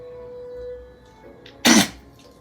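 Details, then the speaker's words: Dog with kennel cough (infectious tracheobronchitis): a single short, harsh hacking cough, as if choking on something stuck in the throat, over soft background music. "кашляет собака так буд чем-то подавилась и пытается избавиться от инородного предмета в горле"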